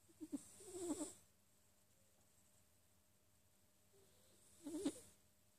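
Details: Soft, rattly snores from a sleeping Sphynx cat, two breaths with a quiet pause between them; snoring.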